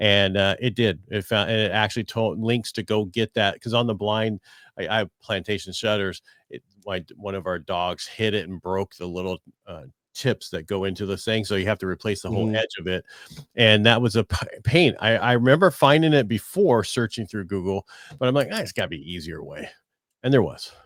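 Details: Adult man speaking; normal speech.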